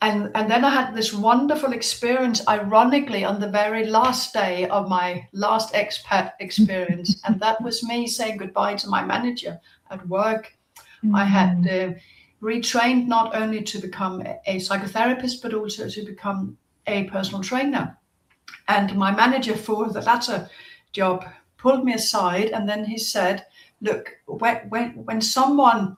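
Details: Adult woman with a stutter present since childhood. Stuttering.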